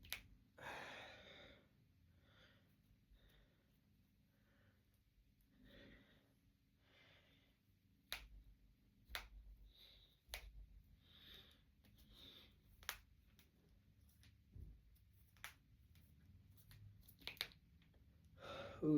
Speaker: Thanks for watching. That felt good. I like cracking my fingers. It feels good.